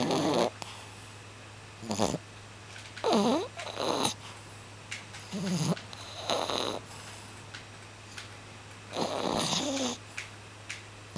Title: I Do NOT Snore